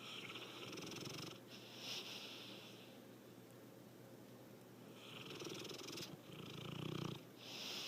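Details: Soft, rhythmic, purring rattles with hissy edges, rising and falling with each breath, from a sleeping cat whose snoring grows louder over time; loud snoring.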